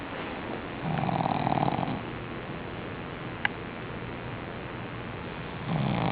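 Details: Pug, a flat-faced dog, asleep: two rough, buzzy snoring breaths with a quiet pause between, over steady room noise; snoring.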